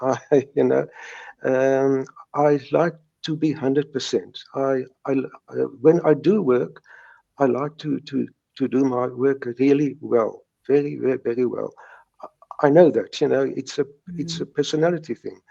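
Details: Stuttering in an adult man, present since age three, who says he still has mild blocks but no longer severe ones.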